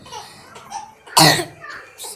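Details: Sick child with flu, cold and fever: a single loud, harsh cough burst with softer breathy sounds before and after.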